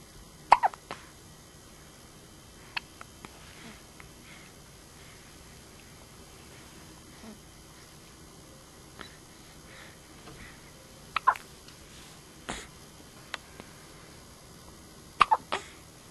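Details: A child's sharp, brief hiccups recurring at irregular intervals of a few seconds in a quiet room.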